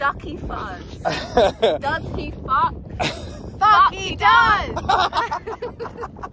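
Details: Teenager with Tourette syndrome producing involuntary verbal tics including swear words: vocal tics with coprolalia (Tourette syndrome).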